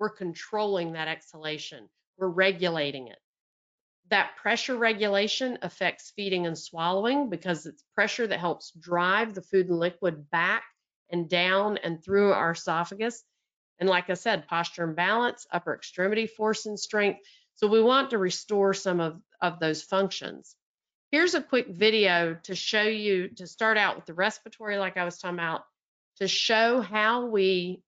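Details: Adult woman speaking; normal speech.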